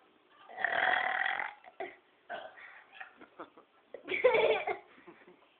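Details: Burping by a child: two long, loud, rumbling burps with softer vocal sounds between them; ordinary belching.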